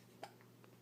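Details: One-week-old newborn boy hiccupping while awake: a single soft, sharp hiccup followed by faint clicks in a quiet room.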